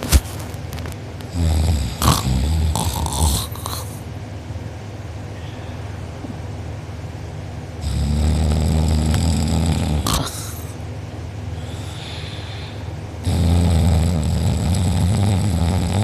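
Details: Snoring from a sleeper who was out cold, recorded by a family member; mouth open and drooling, with a sore uvula and soft palate afterward. Very loud, deep rattling snores on long breaths in, with quieter breathing between them.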